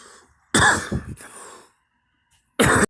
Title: me coughing and vomit 2 times